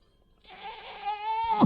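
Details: Person with Tourette syndrome or chronic tic disorder whose tics have recently been worse: a sudden, loud, bleat-like voiced noise rising in pitch and strength, an involuntary vocal tic.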